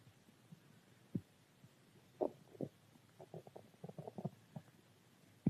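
Soft gurgling and rumbling bursts over a quiet background; ordinary stomach growling from gas and fluid moving through the gut.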